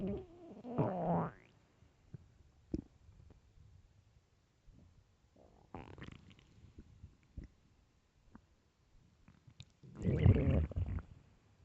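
Low gurgling growls and groans come in bursts with quiet gaps and faint pops between. Ordinary hunger rumbling of the stomach.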